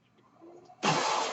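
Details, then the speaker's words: Own mechanical ventilator of a podcaster born in the mid-1980s, heard while they talk: a faint low hum gives way to a sudden loud, steady rush of air as the ventilator cycles. "Hello everyone, my name is. That noise you're hearing is my ventilator."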